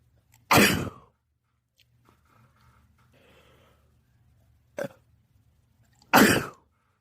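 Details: Two loud, explosive sneezes about six seconds apart with a sniff between, a sneezing fit after feeling the urge for a while, while staying in a house with two cats; sneezing.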